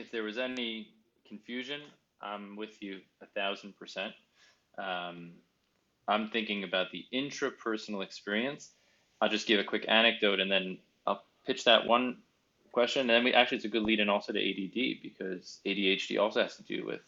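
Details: Adult male speaker; typical speech.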